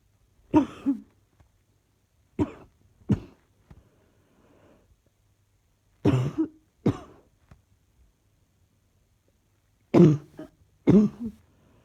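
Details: Persistent cough, still coughing: repeated short coughs in pairs, about seven over twelve seconds, in a quiet room.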